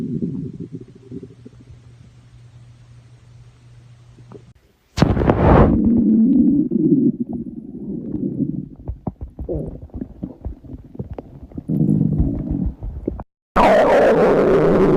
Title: Normal stomach growl 3